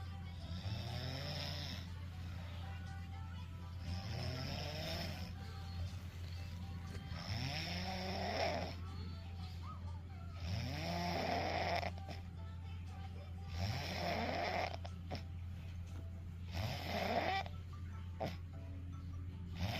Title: Snoring like this would get you slapped! #snoring #teenager #sleeping #babysister #bigbrother #funny